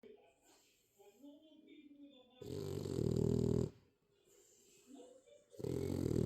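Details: French bulldog snoring: loud, rumbling snorts on breathing in, with softer snuffling and squeaky sounds between, in a quiet room.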